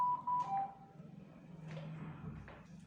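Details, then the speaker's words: A Ventour ABM Universal ventilator, which also supports neonatal ventilation, is set to standby and powered off with a long press of the power button. Brief electronic shutdown beeps follow, then quiet room hum. "So power of the machine you just have to long press the power button and press okay from year the system will shut down in फ seconds"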